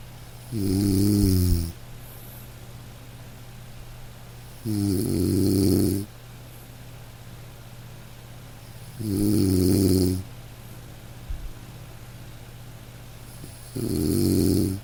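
Low, rattling snores about every four seconds, roughly 14 a minute, over steady room noise: a sleeping dog snoring.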